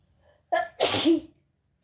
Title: Wet and snotty sneezes!